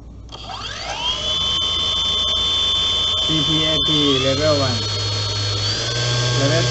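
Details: Homemade 3D-printed "SV-79" ventilator (brushless N2830 motor, 20A ESC, 3S Li-Po 12.6 V) running: steady electric motor whine rising in pitch on spin-up, then shifting between pressure levels and CPAP, CPAP-E and PEEP modes.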